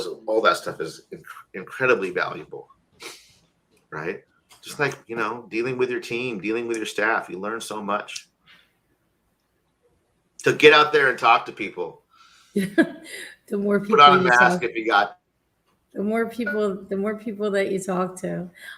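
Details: Stuttering in an adult man with a childhood speech impediment who still sometimes has a noticeable stutter, using filler words as a safety net when he expects to stutter or stammer.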